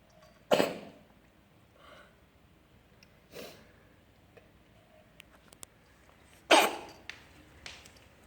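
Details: Cat coughing with a cough that sounds like a human's.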